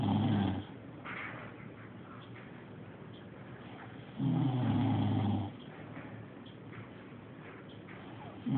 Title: Dad snoring